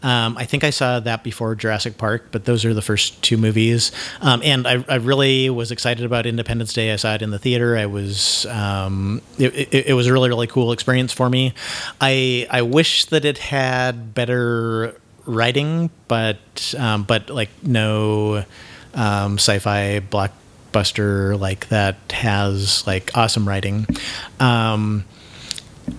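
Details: Man who identifies himself as having cluttering, with frequent word repetitions and mid-sentence self-interruptions (mazing); this stretch has repeated words and phrases and a broken-off word. Finding: cluttering.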